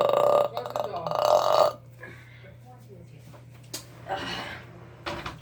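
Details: Loud burping in a hotel bathroom: two long, rumbling belches in quick succession, then quiet room sound and brief murmuring; burping.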